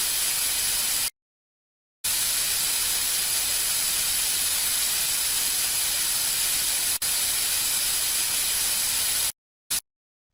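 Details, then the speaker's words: Steady hissing bursts of air with brief pauses from a dental air syringe drying the teeth before bonding agent and brackets are applied for braces, in an interactive dental procedure demonstration. "let's spray some air to get the teeth nice and dry can you handle that for me"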